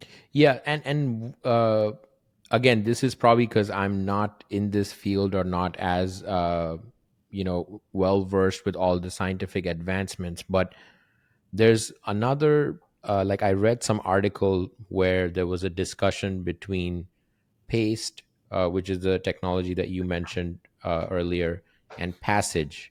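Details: Adult male speaker; typical speech.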